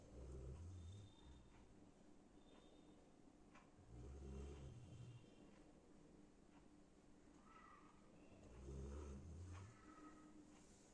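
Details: Golden retriever asleep under a sheet, snoring loudly: low, rumbling snores about every four seconds, roughly 15 breaths a minute, over faint room noise; harmless snoring.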